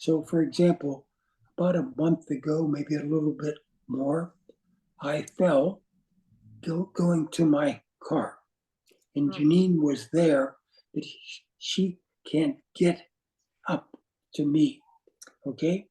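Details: Adult man with aphasia caused by a stroke, with loss of instant word choice: aphasia.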